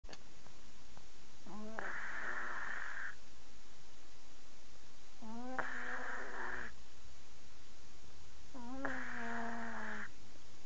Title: cat snoring like darth vader